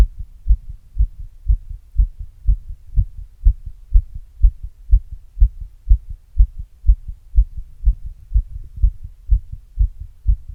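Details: Fast, regular muffled heartbeat at about 120 per minute, normal heart sounds sped up after exercise, self-recorded with an earbud mic and a glass.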